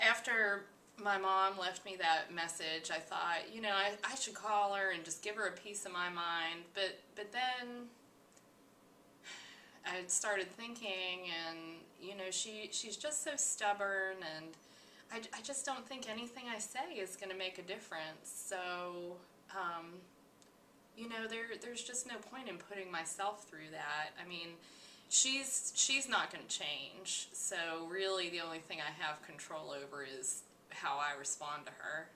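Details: Acted client example in mental status exam training; logical thought process, normal.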